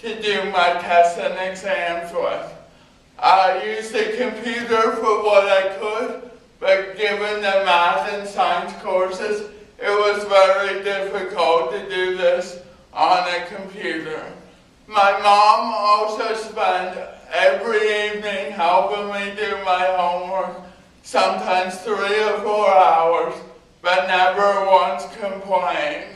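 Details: Dysarthria from spastic cerebral palsy present since birth in an adult man, a PhD student, who had extensive speech therapy as a child.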